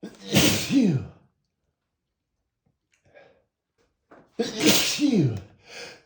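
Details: Two forceful, unstifled spray sneezes from a male, each a sharp inhaled catch then explosive burst, with a quiet gap between.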